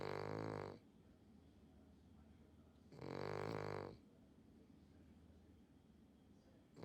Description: This is my sister’s dog, Xtra, snoring loudly